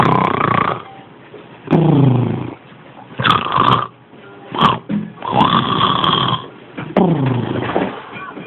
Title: My son snoring.